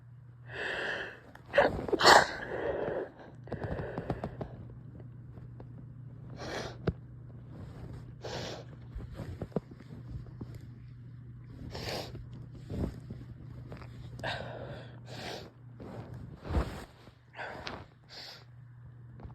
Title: inducing some sneezes, stifles